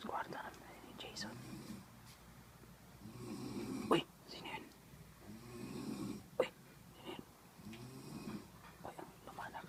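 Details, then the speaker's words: A person snores loudly, and the snoring grows louder as the listeners move closer to find the sleeper. "Hahanapin namin yung ung humihilik ang lakas dali dito malapit lalong lumalakas yung boses"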